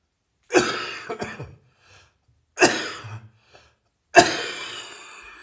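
Three harsh, forceful coughs, each trailing off roughly, fitting a heavy cough with a chest cold.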